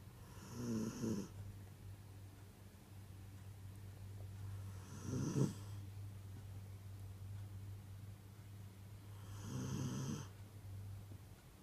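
Soft, low rumbling snores recurring about every four to five seconds, roughly 13 breaths a minute, over a steady low room hum; snoring.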